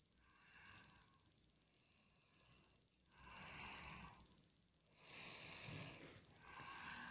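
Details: Sleeping child snoring: soft, raspy breathing with a noisy snore-like sound on each breath, roughly 17 breaths a minute; recorded as proof the child snores while asleep.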